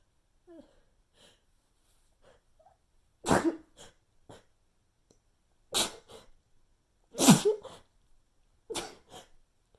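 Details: Persistent nasal tickle: soft catching breaths and four quick, weak, stifled, unsatisfying sneezes in a short run; mild sneezing fit.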